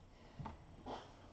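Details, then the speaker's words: Dog sleeping on a couch snoring: two soft, low snorting breaths in a quiet room, heard as faint snoring. "I don't know if you can hear the dog snoring behind me but they're on the couch"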